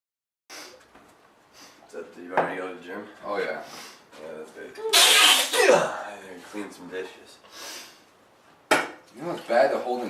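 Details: Man sneezing after repeatedly holding in sneezes, possibly from nearby willow trees: quieter voiced sounds then a sudden loud airy burst in a small room, with a second sharp burst near the end.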